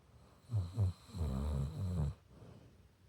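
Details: Sleeping pit bull dog: short, low rumbling snore sounds over a few seconds in a quiet room; snoring.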